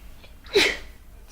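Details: A single sharp sneeze, with a short indrawn breath and then a hissing burst of air, after a very small amount of sneezing powder.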